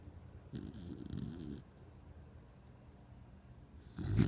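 Low rattling breaths of a sleeping dog, with a soft fluttering rumble on breathing in: snoring.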